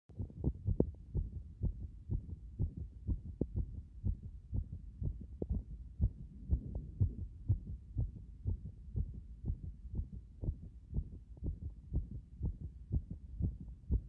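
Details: Heart state after compression: fast, regular, low heartbeat thumps at about 120 beats a minute.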